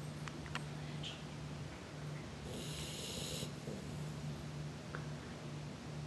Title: Gizmo Snoring